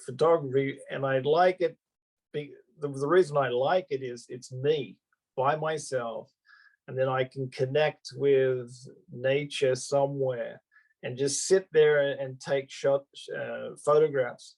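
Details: Adult male Australian-born stroke survivor living in Japan with aphasia after his stroke, speaking spontaneously; real post-stroke aphasia.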